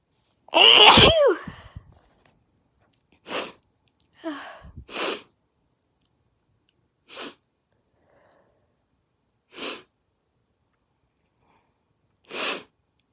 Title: breathy build-up sneezes